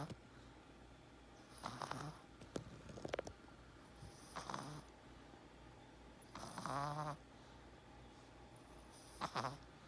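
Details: A small Chihuahua dog sleeping with its eyes open gives four short, rattly snoring breaths a few seconds apart, over quiet room noise; ordinary snoring.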